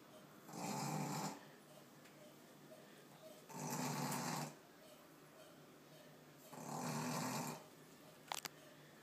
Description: This is my 3 month Boston Terrier that we recently found out snores like no other!!